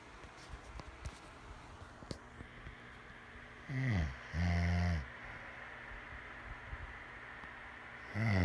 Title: Still snoring